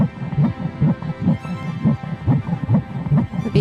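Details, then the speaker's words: Fetal heartbeat on ultrasound: rapid, regular whooshing pulses at about 140 a minute with soft music behind. "the moment i saw that heartbeat changed everything everything that was life and that was her"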